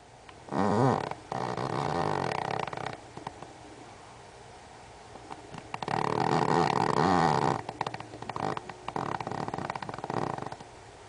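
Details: A Pomeranian rescue dog adopted in 2009, asleep and snoring: loud rattling, rumbling breaths in long bursts with quieter pauses.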